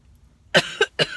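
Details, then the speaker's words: Three short dry coughs in quick succession while eating sushi; a lingering, nonproductive cough that never stops, nothing coming up, speaker told to return to the doctor if not better within days. "excuse me this cough sucks it never stops it just keeps going going going"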